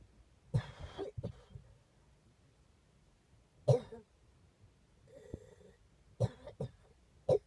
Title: coughing